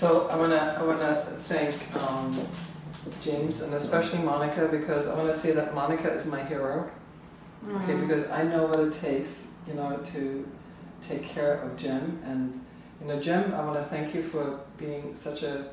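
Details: Adult man speaking; Normal speech.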